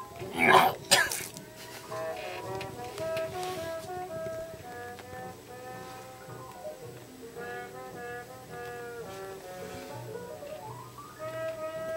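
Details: Two harsh cough bursts at the start, then melodic music; a smoker's cough, presented as a warning to quit smoking.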